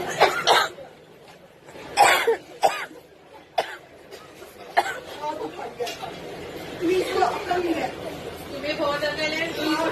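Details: Several passengers cough in short, harsh bursts amid crowd chatter after a woman sprayed chili pepper spray during a fight on a Delhi Metro train.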